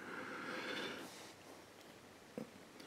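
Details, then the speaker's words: Dog snoring in the background of a quiet room: snuffling, snorting breath sounds, then a brief soft snort. "Apologies if anyone can hear the dog snoring."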